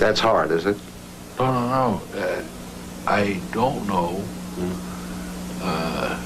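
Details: Broca's aphasia in a 45-year-old male lawyer after a stroke from a blood clot cutting off circulation to part of his brain, impairing both comprehension and expression.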